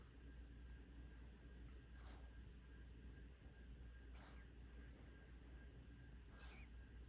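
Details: 5-month-old puppy snoring deeply asleep after a walk: faint whistling snores about every two seconds over a steady low room hum; harmless.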